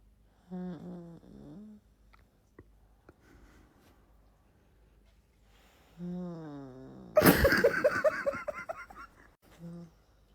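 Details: Boyfriend snoring: a few low, voiced snoring breaths with a drawn-out rattling snort in the middle and quiet pauses between.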